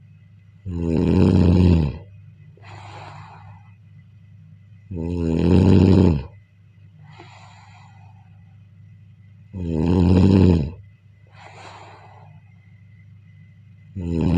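Loud, rattling snores on each inhaled breath, with quieter breathing out between them, about 14 breaths a minute: snoring.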